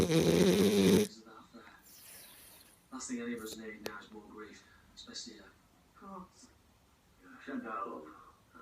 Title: Snoring ziggi the French Bulldog